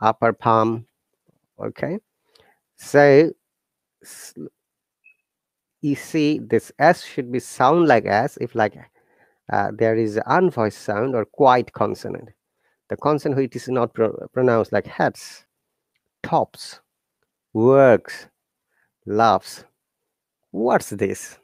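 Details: Adult male speaker; no disorder.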